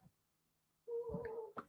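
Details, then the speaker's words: Pet cat sleeping nearby during a talk; after a quiet pause, one raspy, slightly whistling breath with a gurgly edge, a single snore; snoring. "sorry if you can hear my cat snoring oh that's okay she's sleeping very nicely I think"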